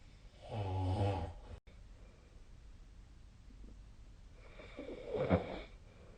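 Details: Person snoring during sleep, recording dated 2025/02/09, SnoreLab snoring app linked: a low, buzzing snore, then a quieter snorting breath a few seconds later over faint room noise.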